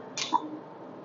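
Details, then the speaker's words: Nd:YAG hair removal laser firing with its built-in cryogen cooling spray, which is meant to make treatment painless: a quick hiss of spray with a short click-like tone from a single pulse. "o as I told this has an inbuilt cooling cryogen spray you can see the cryogen spray coming out so the machine has an inbuilt cooling system this is to increase the Comfort level of the patient"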